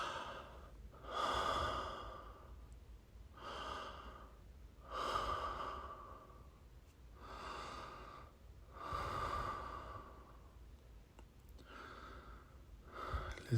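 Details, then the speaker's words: Slow, steady, unlabored deep breaths through the nose at about 15 a minute, during a 5-minute dental impression set with the tray held in the mouth. "remember not to stop breathing during the five minutes you got to keep breathing deep during the five minutes through your nose or mouth or both"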